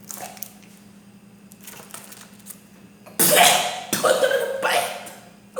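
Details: Adult with weeks of sore throat and cough after air travel: after a quiet few seconds, three loud, harsh coughs in quick succession over low room hum; cough.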